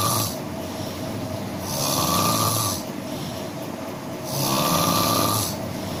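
Rough, noisy snores on each breath in, about three in six seconds, with steady room hum between them. Ordinary snoring.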